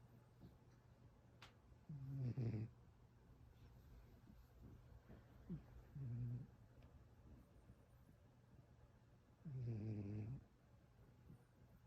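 Soft, low rattling snores from a sleeping cat, three breaths heard over about twelve seconds, against quiet room noise.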